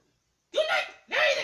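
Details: Male after a big dinner: two short voiced burps in a quiet room; burping.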